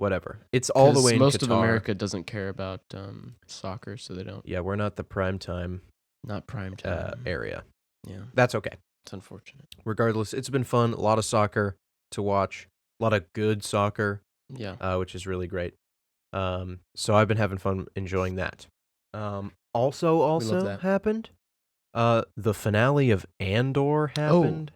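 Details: Adult male speaker; normal conversational speech.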